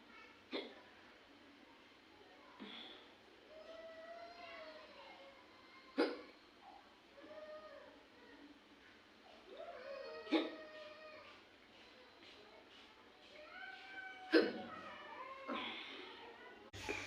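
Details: Woman with a run of sharp, abrupt hiccups about every four seconds, five in all, with soft squeaky breaths between them; hiccups.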